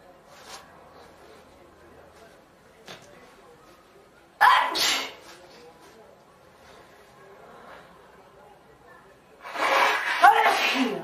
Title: Four girls sneezing